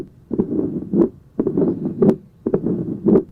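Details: Tricuspid stenosis murmur: similar to mitral stenosis but best heard over the tricuspid area, with intensity increasing on inspiration.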